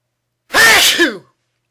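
One loud explosive sneeze with a sharp hissing burst and a brief voiced tail.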